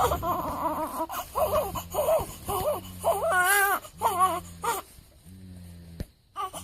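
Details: Day-7 newborn crying: repeated wailing cry bursts with clear, strong, high-pitched voicing; an ordinary newborn cry.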